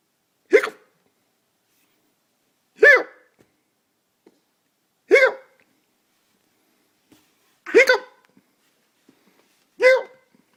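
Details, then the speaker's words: While lying on the floor unable to sleep, five sharp, short voiced hiccups with quiet between, slightly irregular at about 26 a minute: ordinary bout of hiccups. "hey charlie i heard a rumor that you think hiccups are funny is that true"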